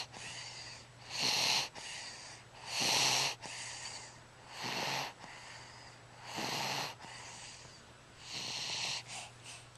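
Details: Sleeping baby girl: regular snoring breaths, about 35 a minute, with a hissing, whistly quality; snoring.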